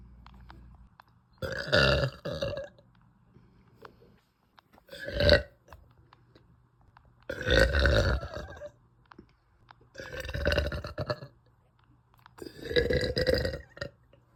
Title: after dinner girl burps (˶◜ᵕ◝˶)